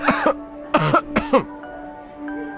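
Acted adult cough: three paired coughing bursts over steady background music.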